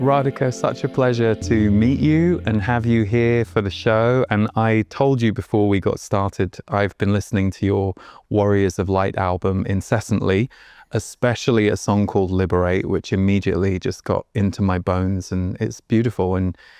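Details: Adult male speaker; typical speech.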